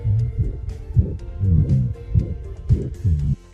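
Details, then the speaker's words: Heart murmur examples played during a veterinary cardiology talk on dogs, heard quietly at low volume. "Y además de los soplos, vean, nada más les voy a poner unos ejemplos de los soplos."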